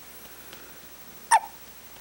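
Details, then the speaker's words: A baby girl with a single short, squeaky hiccup, likened to a squeaky toy, against a quiet background; infant hiccup. "You sound like a squeaky toy."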